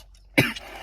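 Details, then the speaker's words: Fake cough performed for a coughing-blood prank on friends, using tomato sauce as blood: a single short, sharp acted cough burst; acted cough. "so what I'm going to do I'm going to act like I'm going to call to cough cough cough"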